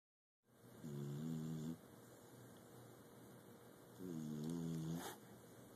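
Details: Dog asleep: two low, buzzing snores about three seconds apart with quiet breathing between; snoring.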